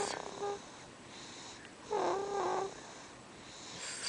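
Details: A sleeping baby girl, with a little milk around her lips, snoring softly: squeaky, whistling snores on her breaths over background room hiss; light infant snoring.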